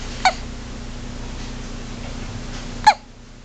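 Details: Tiny baby hiccups: two brief, sharp, high-pitched hiccup sounds about two and a half seconds apart over quiet room noise.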